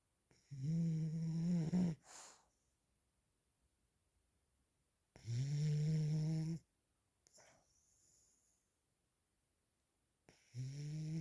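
Loud, low, buzzing snores on each in-breath, with quiet out-breaths between, about 13 breaths a minute; snoring.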